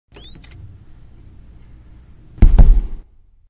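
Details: Defibrillator sound effect: a rising high-pitched whine as the electric charge builds, then a loud, sharp discharge thump as the shock is delivered.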